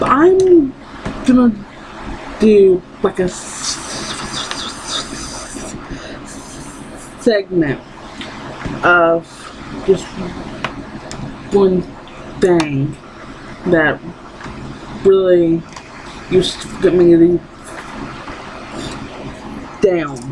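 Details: Young woman with lifelong stuttering that persists despite therapy; she cannot say her own name.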